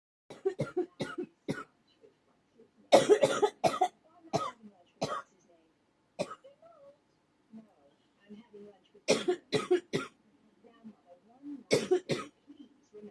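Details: Cough: repeated bouts of short, sharp coughs, about fifteen in all, with faint groaning breaths between them.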